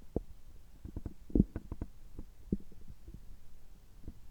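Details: Bowel sounds recorded right after an upper endoscopy (gastroscopy) at a health check with normal results: faint, irregular gurgles and clicks from the abdomen.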